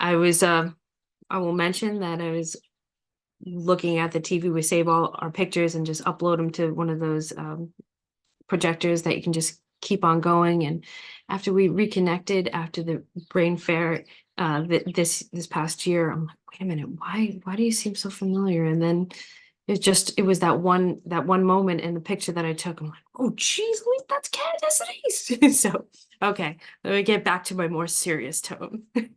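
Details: Adult woman speaking; ordinary speech.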